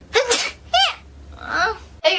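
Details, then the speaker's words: Young woman with suspected hay fever or allergies sneezing mid-speech: short, sharp bursts of air with a voiced catch, about three or four sneezes in two seconds. "oh I got a sneeze I got to come on okay I think I'm good I'm good all right"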